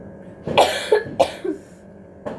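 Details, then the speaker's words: Someone with a lingering cough that won't go away gives a few short, dry cough bursts in quick succession that sound somewhat forced, with faint room noise behind. "सुनो, ये ऐसा लग रहा है जानबूझ के खांसी है। मैं भी कर सकते हैं ऐसे।"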